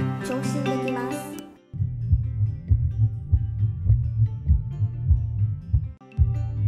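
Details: Fast, low rhythmic thumping after a brief burst of music: simulated fetal heart sounds from an obstetric examination training simulator modelling a pregnant woman at 39–40 weeks of gestation.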